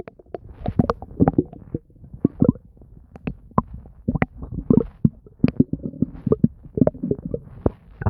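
Frequent gurgling, bubbling and popping stomach noises throughout, typical active bowel sounds of gas and fluid moving through the gut.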